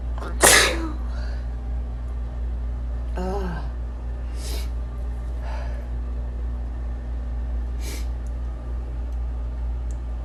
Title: 5 sneezes